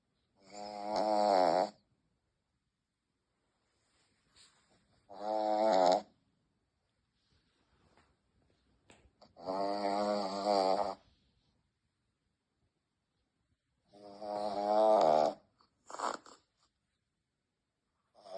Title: scared of his own snoring#cute #muffin #pets #shihtzu #snoring #puppy #shortvideo #shorts #viral